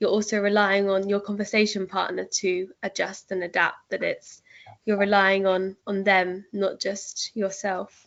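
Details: Adult speaker; typical speech.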